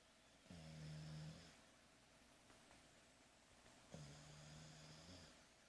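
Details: A pet sleeping on its owner's lap snoring: two low, buzzing, tonal snores about three seconds apart, with quiet room noise between; ordinary snoring during sleep.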